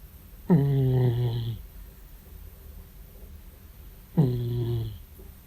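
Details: 14-year-old male cat snoring in sleep: two drawn-out, low, buzzing snores about three and a half seconds apart, with quiet in between.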